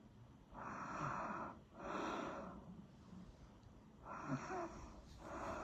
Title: Snoring sound